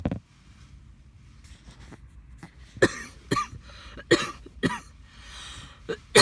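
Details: After walking dogs in the rain: about six harsh, forceful coughs in quick succession with quiet breaths between; a persistent coughing bout.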